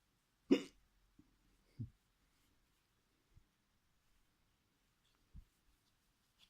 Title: Experimenting with my hiccups part1 Schluckauf Experimente Teil 1